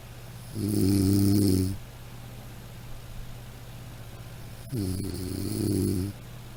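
Two long buzzing, rattling snores on breathing in, separated by a quiet pause; snoring.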